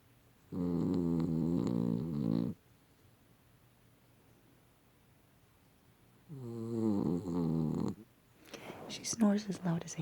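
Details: Sleeping dog snoring, said to be as loud as a human: two loud, rattling snores about six seconds apart, each about two seconds, followed by a brief human voice.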